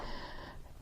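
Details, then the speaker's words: Adult with asthma during a COVID infection: short, noisy, effortful breath with a faint whistling edge, still struggling to keep oxygen level up despite breathing treatments; laboured breathing. "as you can I'm sure you can hear even after my breathing treatments I'm still struggling to keep my oxygen level up but we're going to get through this after all craf or die right so here we go"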